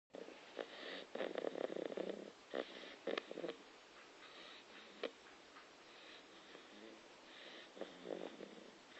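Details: Staffordshire Bull Terrier puppy snoring: soft, irregular snuffly breaths with rattling nasal snorts, some sniff-like; light snoring.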